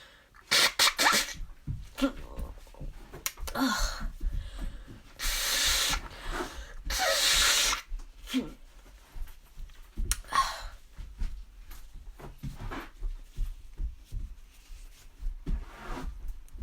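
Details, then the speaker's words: Repeated allergy sneezing: several loud sneezes with exaggerated drawn-out vocal build-ups, sniffing and a long nose-blow between them; the person says the sneezing is out of control and each nose-blow triggers another sneeze. "oh my gosh sneezing is out of control today oh gosh oh still got more it's ugh i have to sneeze huh"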